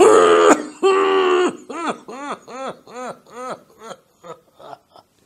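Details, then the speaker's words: Doctor's imitation of a COPD cough: a strong voiced cough, then about eight weak, shortening coughs with long pauses, from collapsing small airways in the lower lung. "classical you know those long sound pauses that you get is because these small arrays collapse and that is what causes this typical cough so if you see a patient with a cough like this you would know that this is likely to be a cough of a patient of COPD"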